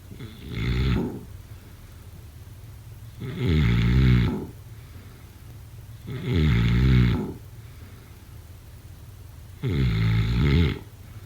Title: Snoring sounds … #7